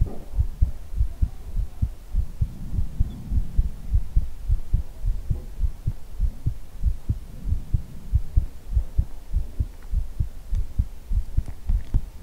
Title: ASMR hugging your head - heartbeat with ear blowing ❤️